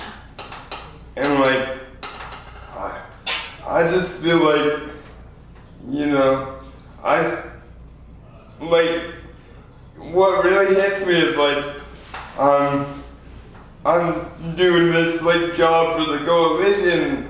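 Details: 24-year-old man with lifelong spastic quadriplegic cerebral palsy following premature birth at 2 lb 4 oz; dysarthria (cerebral palsy).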